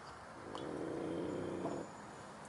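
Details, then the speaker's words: Dog asleep beside its owner on a carp fishing trip, snoring: one low, rattling breath sound of about a second; ordinary, harmless snoring. "She's going to sleep again. Can you hear her snoring? I don't know if you can hear that, people. But yeah, she's snoring her head off."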